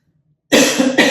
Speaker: I'm gonna do it again and I'm gonna do one more and I'm now gonna cough